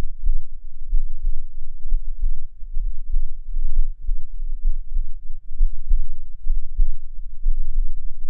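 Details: Person's own heartbeat recorded with a binaural microphone, with admittedly poor sound quality: soft, muffled low thuds under a steady low rumble, hard to count; normal resting heart sounds.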